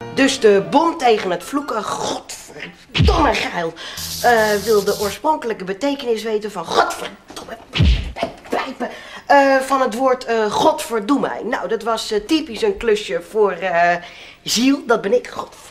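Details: Adult male speaker, comedy sketch performance; Tourette syndrome with vocal tics and coprolalia (acted).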